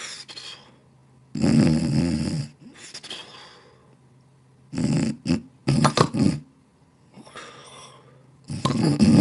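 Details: Snoring in an animation of a snoring dog annoying his cat partner: rough, rattling breath noises in bursts with quiet gaps in a quiet room.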